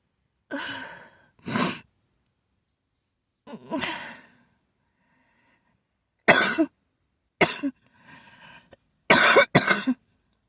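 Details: Adult repeatedly waking with a harsh coughing fit during an asthma attack: repeated loud, harsh coughs in bursts.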